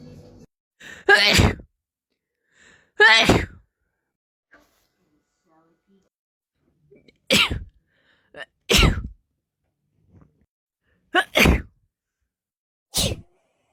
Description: Short compilation of rapid sneezes